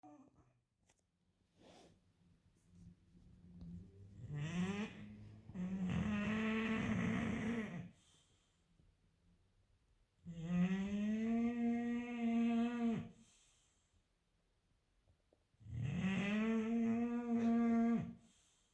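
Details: Loud, droning snores with a buzzing, fluttering tone, about 12 a minute with quiet gaps between: heavy snoring from a sleeping English bulldog.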